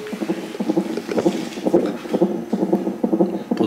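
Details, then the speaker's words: Fetal heartbeat on a hospital fetal monitor during labour, cervix 5 cm dilated: rapid, rhythmic whooshing pulses, about 125–150 beats a minute. "duyduğunuz aşkın kalp sesleri."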